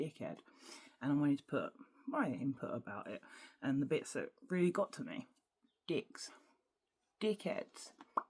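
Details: Adult woman with Tourette syndrome whose speech is interrupted every few seconds by involuntary words, swearing and intrusive phrases; vocal tics (Tourette syndrome).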